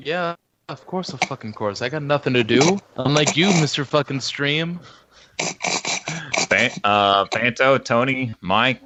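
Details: Adult male speaker; no speech disorder.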